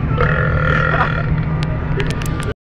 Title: new burping video